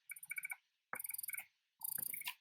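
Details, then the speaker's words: Spectra S1 hospital-grade electric breast pump running, with massage and let-down modes and adjustable intensity: three short bursts of rapid rhythmic clicking and whirring as suction cycles, normal operating sound. "um you've heard how it sounds like like I you saw the cycle the vacuums massage mode on and off button and the LED light"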